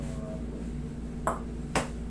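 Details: Two sharp, brief joint cracks (cavitation) over a quiet room hum during manual shoulder manipulation with inhale-exhale breathing, in a patient with shoulder pain.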